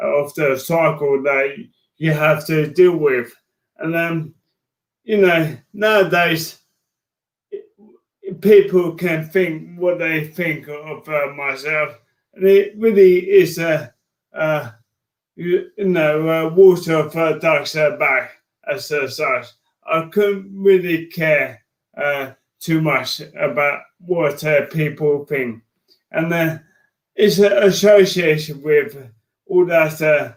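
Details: Adult man with motor neurone disease diagnosed in January 2018; speech changes were an early sign of the disease; dysarthria (motor neurone disease).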